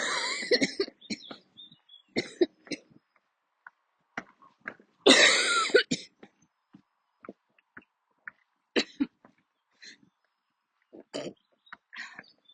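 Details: Coughing fit while walking outdoors, a recurring attack that usually forces the person to stop and sit or kneel: repeated harsh coughs in clusters with gasping breaths between them over about twelve seconds.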